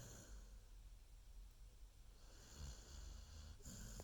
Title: Baby snoring